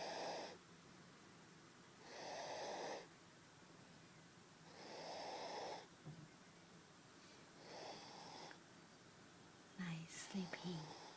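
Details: Baby sleeping in her father's arm, snoring loudly: four long, rough snores about two to three seconds apart with quiet pauses, then a few small snuffles.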